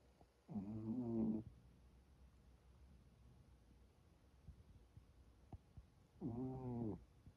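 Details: Two deep, rattling snores about five seconds apart in a quiet room from a sleeping lion cub; ordinary snoring.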